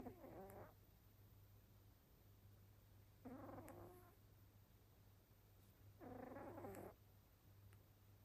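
Soft rhythmic snoring from a sleeping cat, about three breaths in eight seconds, over a low steady hum.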